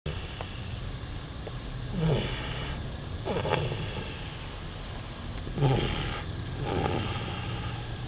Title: 車の中でいびきをかいて寝る Snoring